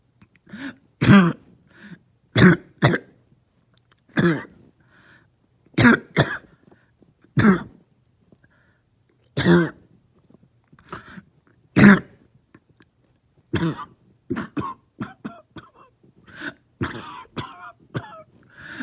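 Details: Lingering cough that started last night, plus headache: about a dozen short, harsh coughs, some in pairs, with throat clearing.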